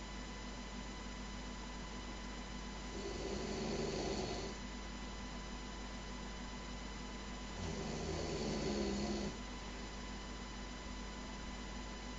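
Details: Two slow, droning snores about five seconds apart over a steady electrical hum; loud snoring during sleep.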